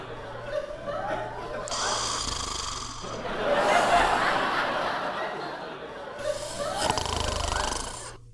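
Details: Small dog sleeping on the floor, snoring heavily: noisy, fluttering breaths rising and falling over a few breaths.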